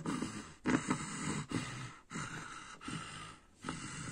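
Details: Irregular gasping, snorting breaths and grunts in rapid bursts, about 98 a minute, during a seizure in a girl on bedtime clonazepam, as a caregiver soothes her ("it's okay, sweetie") at bedtime; seizure vocalizations.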